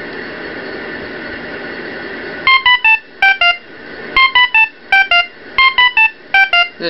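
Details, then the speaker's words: Ohmeda Trustat 3500 pulse oximeter alarming with probe detached from the finger, silence button available: steady room hum, then loud repeating groups of three falling electronic tones. "there is a silence button where the red light flashes I can hit that and it wouldn't make it stop alarming"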